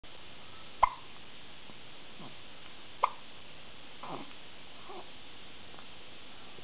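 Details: Hiccups in a 1-month-old infant; two sharp, brief hiccup clicks about two seconds apart with faint soft baby sounds between them.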